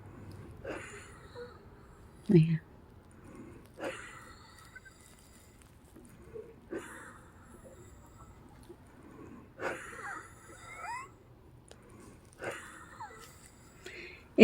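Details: Female patient under pulmonary care with labored breathing and wheezing persisting for about three days, recorded in the evening before a breathing treatment: heavy, effortful breaths every few seconds, some with a faint whistling edge.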